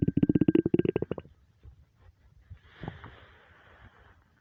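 A rapid burst of low gurgling pulses, then faint bubbling; stomach rumbling from hunger.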